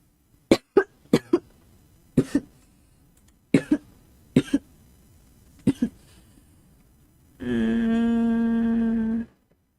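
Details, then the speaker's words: Young woman coughing persistently during a livestream, unsure if vocal nodules: repeated pairs of short, sharp coughs, about a dozen in all, followed by a sustained hummed or voiced tone. "아 아니 기침이 너무 나오네."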